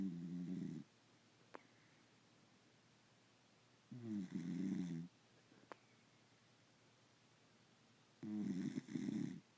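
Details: A dog asleep on the owner's lap snores three times, with rattling snores about four seconds apart (roughly 15 a minute), in a quiet room.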